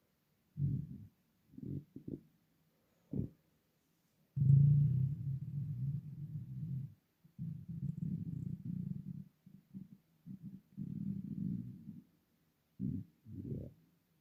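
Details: Loud hunger borborygmi from an empty stomach, audible even without a microphone: bursts of low gurgling rumbles.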